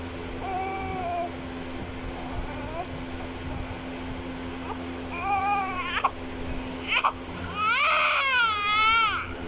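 Short wailing cries building to a longer, louder cry over a steady hum; ordinary newborn crying from a sound-effect recording.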